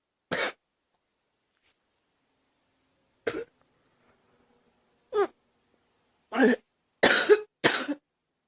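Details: Six short, acted dry coughs from a woman, spaced apart at first, then three in quick succession, in a quiet room: a simulated cough.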